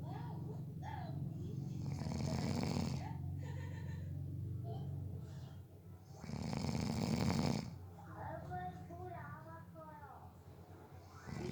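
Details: Person napping who fell asleep within about 30 seconds, snoring: loud, rattling snores on the in-breath, with quiet pauses between and faint background voices.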